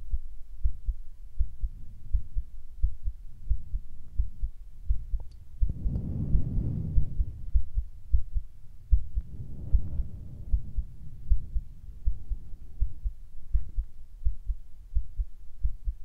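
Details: Carotid pulse recorded at the person's own neck for ASMR: regular, fairly fast low thumps, with brief rustling bursts of movement noise; the person notes the heart is beating unexpectedly fast.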